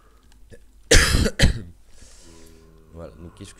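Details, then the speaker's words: Two loud, harsh cough bursts in quick succession, then a brief voiced sound, from a speaker who says they are still a little ill; an ordinary dry cough. "donc excusez-moi encore pour cette toux, mais je suis encore un petit peu malade."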